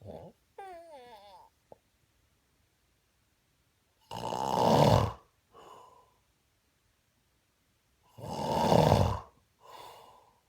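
Loud, rough rattling snores on each breath in, about four seconds apart, with softer breaths out between them. Ordinary snoring.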